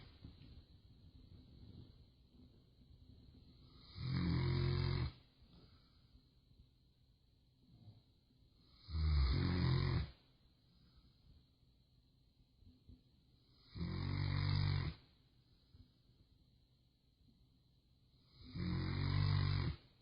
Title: snoring